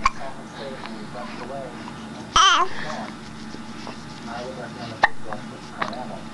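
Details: A young girl babbles and fusses angrily, broken by three sharp, abrupt hiccup sounds over about six seconds; ordinary hiccups.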